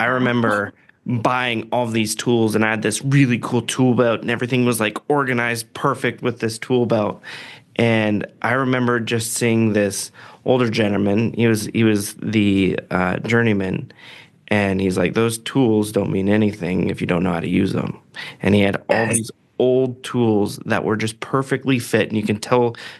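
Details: Adult man speaking; typical voice.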